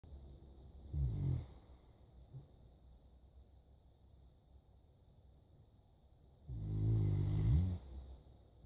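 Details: Saint Bernard dog snoring: deep, rumbling low-pitched snores on two breaths, the second long and loud.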